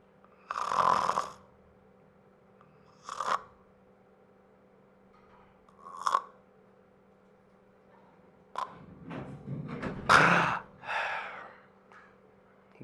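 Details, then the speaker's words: Obstructive sleep apnea: loud snoring bursts separated by silent pauses, then choking, gasping resumption of breathing, respiratory effort against a throat blocked by choking. "so what is sleep apnea so it looks like this it sounds like this"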